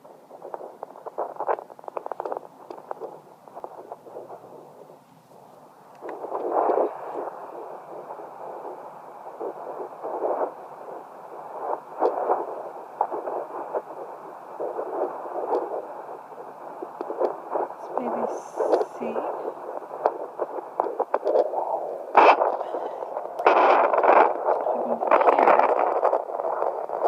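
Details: Home Doppler at 11 weeks of a triplet pregnancy picks up a rapid whooshing fetal heartbeat, about 175 beats a minute.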